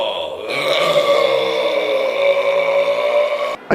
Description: His burps are amazing, so I decided to make a compilation :)